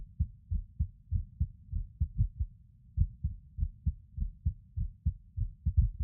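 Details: Male lying on his bed recording his own skipping heartbeat: low thudding about 100 a minute, uneven spacing and occasional pauses, consistent with skipped beats in an irregular rhythm.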